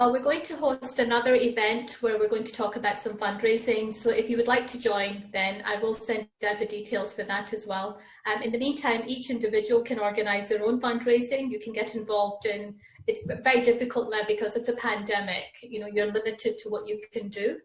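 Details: Adult woman; Normal speech.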